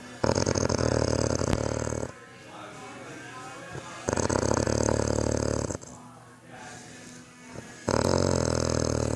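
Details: Loud, deep, rattling snores about two seconds each, three in nine seconds, quieter out-breaths between, from a sleeping man: heavy snoring.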